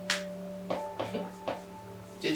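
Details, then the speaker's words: Several short, sharp clicks from the instructor's knee during a seated chair hamstring stretch, over background music: harmless normal knee joint clicking. "that was my knee clicking it's just the normal noises"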